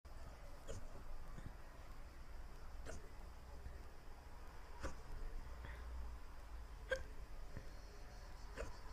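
Soft, brief catches repeat roughly every two seconds, about five in nine seconds, over steady low rumbling background noise: hiccups.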